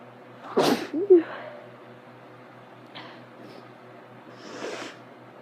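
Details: Sneezing with a cold and watering eyes: one sharp, explosive sneeze with a short catch of breath, then quieter sniffing and nose blowing.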